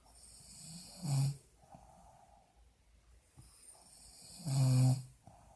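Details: Woman snoring very loudly while asleep in hospital: two short, very loud, deep, buzzing snorts with quiet breathing between, in a quiet room; loud snoring.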